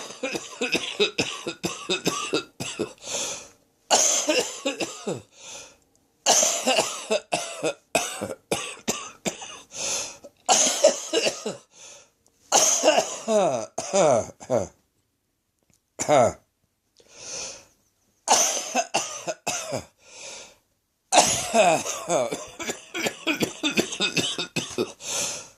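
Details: Rapid runs of harsh, dry coughs with brief pauses for breath from someone with a throat infection; the fit left them very light-headed, nearly passing out by the end. Harsh cough.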